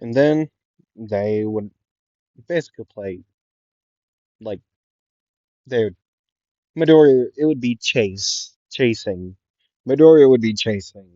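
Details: Stuttering in a male narrator who says he stutters a lot and repeats things; this clip has word repetitions.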